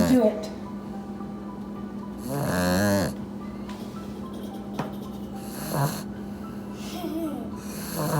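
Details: Puppy napping after playing hard, snoring loudly: loud rasping, fluttering breaths every few seconds over a steady room hum and faint background music.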